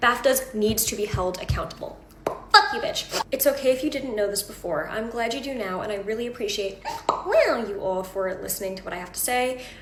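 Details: Involuntary vocal tics with coprolalia, including obscene words, in a young woman with Tourette syndrome who also has echolalia.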